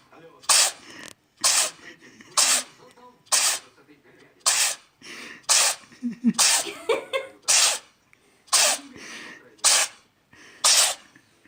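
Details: Cat sneezing like a human: about eleven sharp, hissing, explosive sneezes in a row with quiet pauses between.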